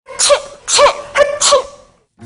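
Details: Demonstration of the correct way to sneeze: four quick, voiced sneeze-like bursts in a row, each with a sharp explosive onset and brief vocal tone, in a small quiet room.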